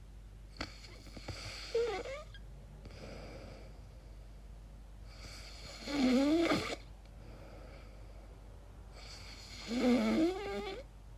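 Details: Irregular snorting snores with rising, whistly tones and softer breaths between, about three in ten seconds, over room hum, recorded during sleep; the person asks whether these strange noises are snoring or sleep apnea.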